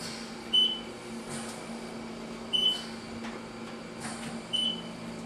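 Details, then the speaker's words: Respironics EverFlo 5-litre oxygen concentrator alarm when the tubing is pinched: short high-pitched beeps about every two seconds with a red light, over quiet machine hum, signalling no oxygen flow. "but when it was pinched it automatically cut on both the cops in white and the red beeping light that says air is not the oxygen is not we're not going through"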